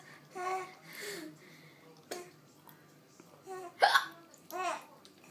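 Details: Several short, abrupt voiced bursts with quiet gaps between them; hiccups.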